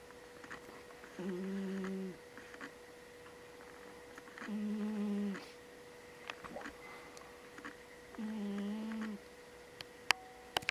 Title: Snoring cat いびきをかく猫